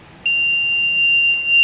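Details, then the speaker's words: Sudden continuous high-pitched electronic beep over low room hum: the power-off alarm of an LTV 1200 ventilator, sounding as the on/standby button is held to turn it off after a function check. "so we hit select again and we're done to turn the vent off we press the on standby button again hold it in and"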